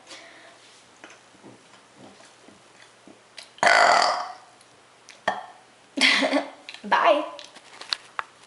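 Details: Brunette woman deliberately doing quick, rapid-fire burps on request: several loud, drawn-out throaty belches in quick succession, with quieter mouth sounds between; repeated burping.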